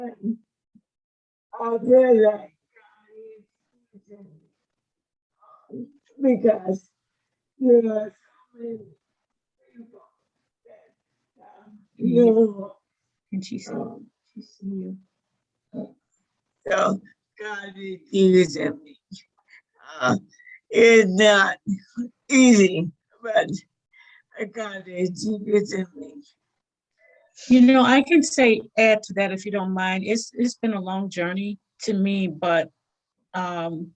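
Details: Dysarthria in a 61-year-old woman with motor neuron disease diagnosed five years ago; slurred speech since onset, with strength varying by day, some days so weak she is barely understandable; real patient; finding: dysarthria.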